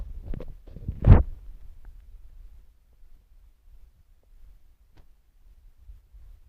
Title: My stomach growling